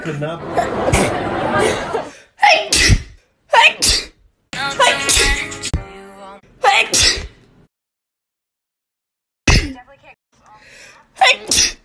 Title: minute long sneezing comp